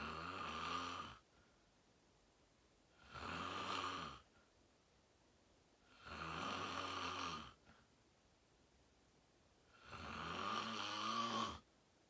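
Long, rough, vibrating snores on each breath, about one every three seconds, with silence between them: loud snoring during sleep.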